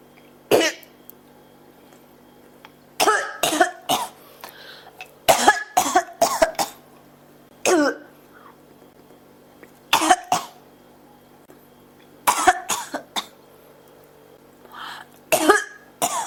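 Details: Repeated short, dry coughs in clusters, about 25 a minute, over steady room hum, a persistent cough that keeps returning, recorded as cough ASMR.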